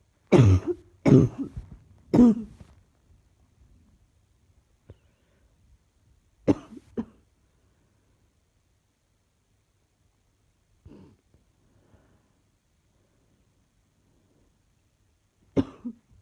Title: Coughing still